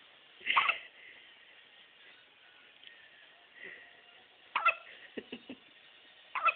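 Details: Hiccups in a male, described as making cute sounds; hiccups.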